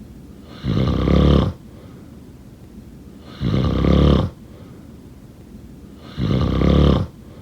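Loud, rough snores with each inward breath, about 23 a minute, separated by brief quiet pauses: heavy snoring during sleep.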